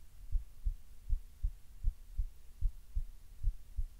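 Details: Relaxed but slightly fast heartbeat: steady low thumping at about 77 beats a minute.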